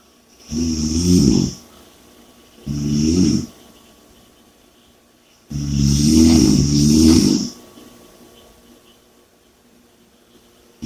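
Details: Loud, low, rattling snores on the in-breath, three in about eleven seconds, with quieter out-breaths between them; snoring.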